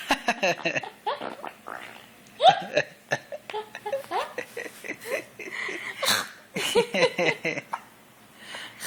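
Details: Baby giggling mixed with short, abrupt hiccups; hiccups.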